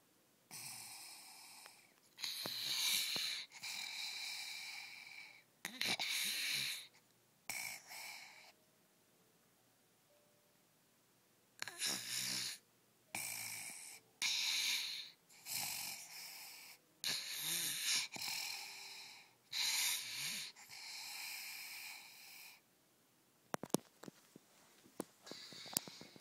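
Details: A sleeping child snores loudly and harshly in irregular bursts broken by apneic pauses, before a scheduled tonsil and adenoid removal; snoring with obstructive sleep apnea.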